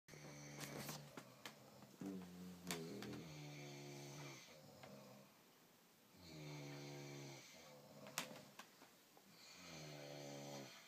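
Loud, rattling snores with clear breath cycles, each breath drawn through a vibrating airway, in a small quiet room.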